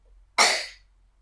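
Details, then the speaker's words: Effective-cough exercise taught by a nurse, with the patient told to breathe in through the nose, hold 3 seconds, then cough out sputum: a single strong, forceful voluntary cough on instruction. "Kakak bapak adik tarik nafas, batukkan. Lagi tarik nafas, batukkan. Lagi tarik nafas, batukkan."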